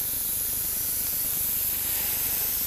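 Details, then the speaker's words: Steady high-pitched hiss of oxygen flowing from a portable E-cylinder through a Bourdon gauge flowmeter regulator as flow is turned up to 4 liters per minute; oxygen flow hiss. "as I slowly turn this you can see the flow going up to four liters per minute and you can also hear it now"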